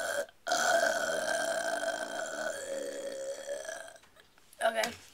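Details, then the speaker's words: Deliberate burp: long, loud, voiced belch lasting about four seconds, followed by a brief second belch. "Alright, I'll do 1 more."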